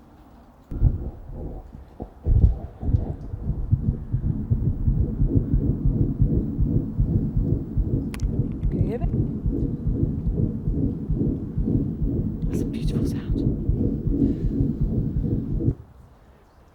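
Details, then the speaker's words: Patent ductus arteriosus in an 18-month-old Yorkshire Terrier: a continuous churning "washing machine" machinery murmur in which S1 and S2 cannot be told apart. "sounds like a washing machine yeah can anyone differentiate between S1 and S2 there no so it's continuous so that's your wonderful PDA"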